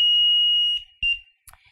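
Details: A steady high-pitched alarm tone, then brief beeps: an LTV 950 home ventilator's power-on alarm during its pre-use tightness test, with no patient connected.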